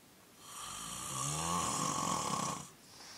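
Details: Snorer: one long rattling snore with low vibrating rumble and noisy airflow lasting about two seconds; listener says it sounds like he's drowning and wonders whether he should see a doctor.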